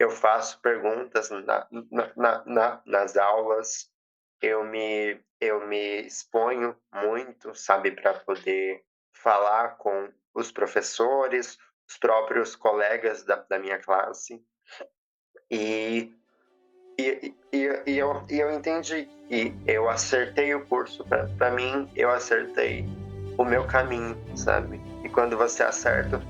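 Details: 20-year-old woman who has stuttered since age 7; past speech therapy; says her speech flows better when she feels welcomed; real speech showing stuttering.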